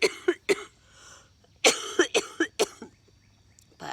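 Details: Early-morning harsh, repeated coughing in a woman with cystic fibrosis during a flare, on IV treatment and awake much of the night coughing: two short bursts, about eight coughs in all.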